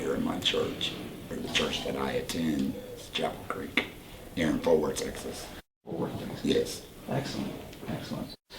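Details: 38-year-old man, about four years after laryngectomy for cancer, speaking with a voice prosthesis and HME; tracheoesophageal speech after laryngectomy.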